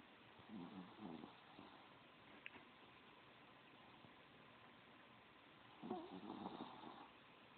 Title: My baby snoring lol